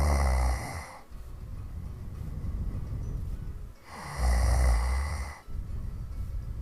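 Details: Hard snoring recorded in 2015; snoring.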